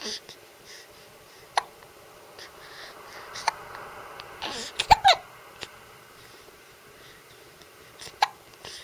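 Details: One-week-old newborn with hiccups while resting: soft, brief hiccups spaced irregularly, with faint breathing and small fussing noises; ordinary infant hiccups.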